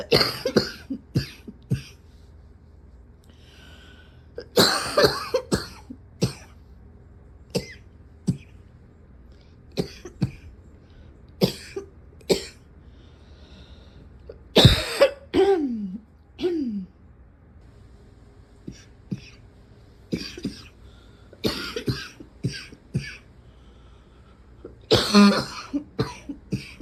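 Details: Repeated tight, harsh chest coughs in clusters, straining to bring up phlegm that does not clear; very tight-chested coughing.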